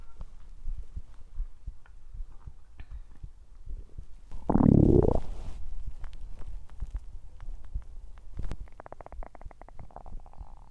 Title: Happy Halloween 🎃👻Stomach growling ♪